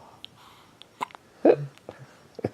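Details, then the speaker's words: Three-day-old newborn baby with hiccups and snorting while lying and lifting its head: one distinct sharp hiccup with a short voiced catch, plus faint clicks and rustling. "hey still got the hiccups still got the hiccups and a snort and another snort"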